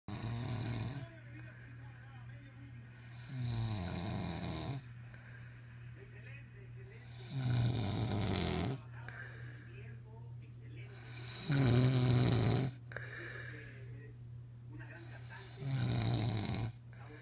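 Loud, rough snores about every four seconds, roughly 15 a minute, with a steady low hum between them: ordinary snoring.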